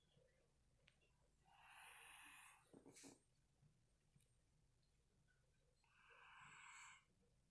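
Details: Light snoring in sleep: soft, hissing, whistly breaths with a brief snort between them.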